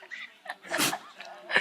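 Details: Beagle named Drake, owner calls it reverse hiccuping, recurring and longest episode yet: short, sharp nasal snorts and sniffs with laughter nearby; reverse sneezing.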